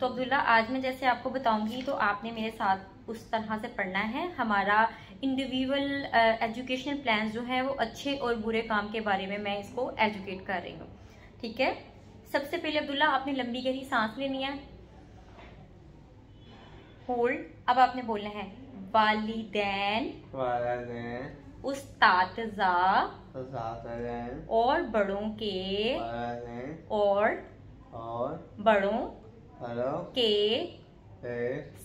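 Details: Adult woman speaking Hindi; speech.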